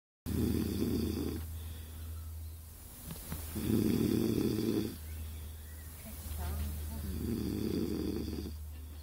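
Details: Snoring.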